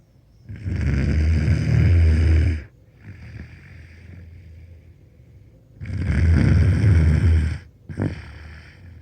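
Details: 13-year-old boy snoring loud enough to hear through bedroom walls: very loud, deep, rattling snores on each breath in about every four seconds, softer noisy breaths out.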